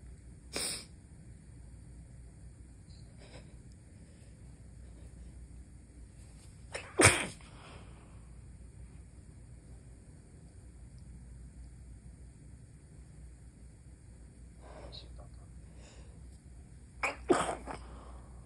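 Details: Several short, muffled sneezes held back at night to avoid waking someone, with faint breathy catches between them over a quiet room hum; stifled and failed-stifled sneezes.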